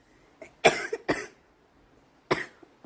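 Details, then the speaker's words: Girl with a smoker's cough who says her lungs really feel it and hears low buzzing on inhaling: three harsh, rough coughs in quick succession with a brief breath between. "my goodness. So harsh. My lungs really feel it."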